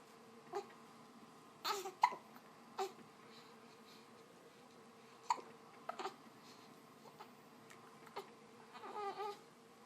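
Repeated short, sharp hiccup sounds at irregular intervals, with a few soft whimpering vocal sounds; hiccups.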